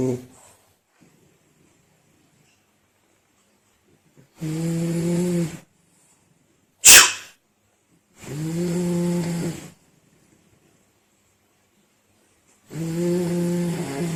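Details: Sleeping French bulldog, owner asking whether purebred given breed's loud snoring: loud, buzzing snores over a second each with a sharp snort between; snoring.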